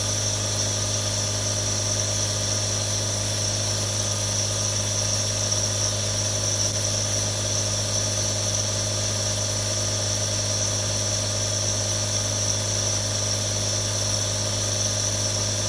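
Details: Real recording of three different nebulizers running: a steady mechanical hum with a constant hiss of aerosol flow as the nebulizer runs continuously.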